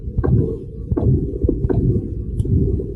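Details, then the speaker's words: Heart sounds at about 85 beats a minute with a loud, continuous low whooshing sound in place of the steady click, from advanced aortic stenosis with a narrowed valve; aortic stenosis murmur. "makes a big wishing sound that's what you're hearing you know before it was just like a pretty steady click"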